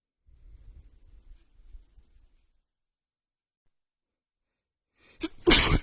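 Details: Female with an itchy sneeze attack: quiet breathing, a pause, then a short in-breath and one loud explosive sneeze.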